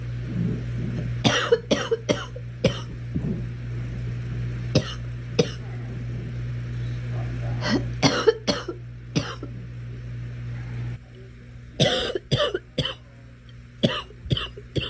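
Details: A girl's repeated short dry coughs in clusters of three or four, about fifteen in all, over steady vehicle engine hum; cough.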